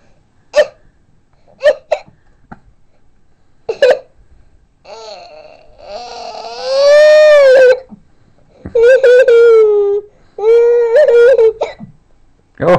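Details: Young boy with hiccups while playing with toy cars: several short abrupt gulping catches, then drawn-out whiny vocalizing; hiccups.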